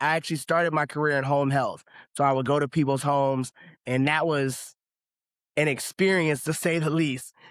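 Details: Adult male speaker; no speech disorder.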